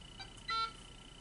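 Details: Alaris IV infusion pump in a nursing skills lab demonstration, piggyback set at 200 mL/hr, 100 mL to infuse: single short electronic beep after a key pressed out of sequence; an input alert.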